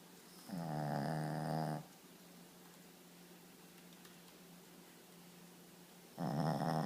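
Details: Shih Tzu dog snoring loudly in sleep, so loud it gets woken and goes back to sleep: loud, buzzing, slightly whistling snores on breathing in, about every five to six seconds, with a faint hum between breaths.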